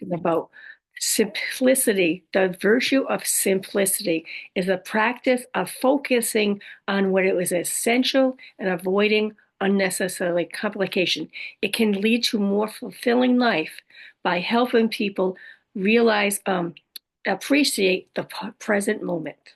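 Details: Adult woman living with aphasia, apraxia of speech and dysarthria after a stroke: aphasia with apraxia of speech and dysarthria.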